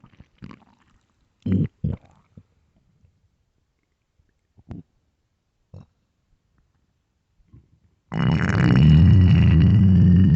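Short low gurgles and rumbles, then a long loud low growl: ordinary stomach growling from hunger.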